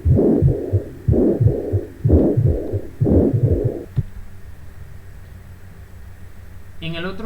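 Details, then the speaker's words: Mitral regurgitation murmur in a teaching example: a regular heartbeat near 60 a minute with a whooshing systolic murmur right after the first sound, as blood flows back from ventricle to atrium; background hum. "Aquí sí se escucha el soplo. Cómo se ve un ecocardiograma, cómo la sangre se devuelve de lo que es el ventrículo a la aurícula, porque hay una insuficiencia de la válvula."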